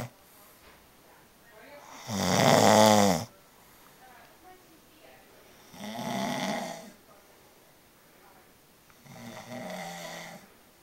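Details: Man asleep: three loud rough rattling inspiratory snores about four seconds apart, roughly 15 breaths a minute, quiet between; ordinary snoring.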